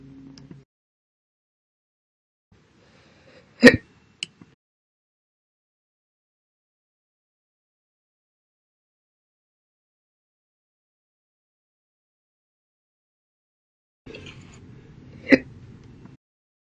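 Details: Hiccups, audio-only recording, a version with three extra hiccups before a big one: two sharp, abrupt hiccup-like gasps separated by long silence, with faint rustling around each.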